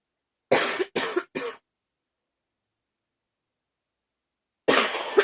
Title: Coughing fit! #15